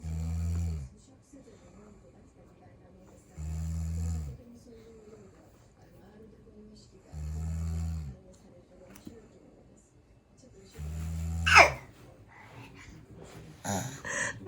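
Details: A baby boy imitates his older sister's snoring while she sleeps soundly beside him: four slow, deep, rattling snore-like sounds about every 3.5 seconds, with brief adult voices in the background. Snoring imitation.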